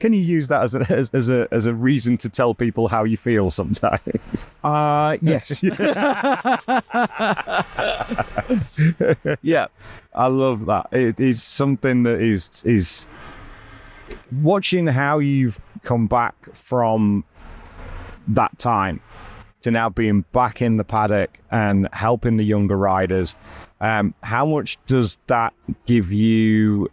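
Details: Adult male interviewer; normal speech.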